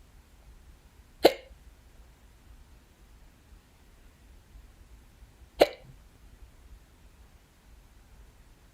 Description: I like it so here are my hiccups! ^^